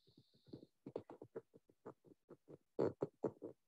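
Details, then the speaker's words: Needle EMG teaching recording: short crackly bursts of three to five motor units firing together, repeating in loose groups with a rough, marching rhythm; myokymic discharges. "um these are myocomic discharges and these are actually hard to appreciate but i'll show it to you remember there's three or four or five motor units that fire but not in the same order altogether but they kind of work together on rank rank rank"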